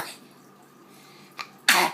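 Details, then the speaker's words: Baby attempting to sneeze with eyes open, tickled with a small object; quiet room, a small catch of breath, then one sharp burst of air: a single sneeze. "trying to sneeze with my eyes open. Okay, this is going to be funny because I don't really do it right, but it's going to be funny."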